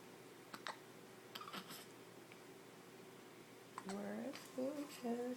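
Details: Infant with hiccups in the morning, reliably after every feeding: several short, sharp clicking catches, with soft voices toward the end.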